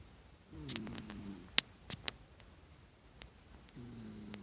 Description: I caught one of my rescue dogs snoring and kicking his feet while he slept.